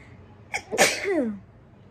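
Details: Woman's single sharp sneeze, quick in-breath and explosive burst, provoked by sneezing powder while drinking water during a sneezing challenge.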